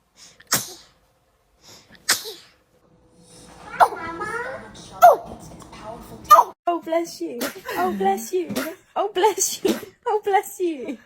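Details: Baby sneezing: two small, sharp sneezes, followed by fussing sounds and adult voices.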